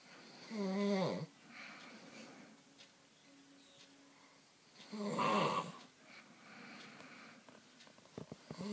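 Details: Loud snoring from a sleeping man, going on all night and keeping another person awake: two loud, vibrating snores about four seconds apart, near 15 breaths a minute, with quiet room sound between; heavy snoring.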